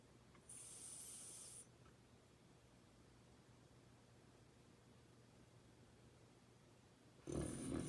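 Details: Subject breathing through a tube with airflow velocity sensor upstream, alternating snoring and not snoring; two brief breathy snores over low hum. Snore inspired breath volume about one third of normal; snoring.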